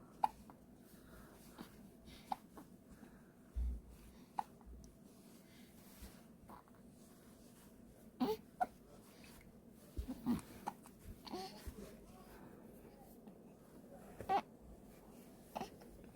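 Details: A baby girl hiccups while wearing a hat meant to warm her head and stop the hiccups; she cries between hiccups, which then stop.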